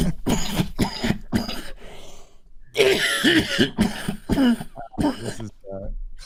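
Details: Adult streamer coughing live, afterward saying they feel light-headed: a run of about ten harsh, throaty coughs mixed with throat clearing, in quick bursts.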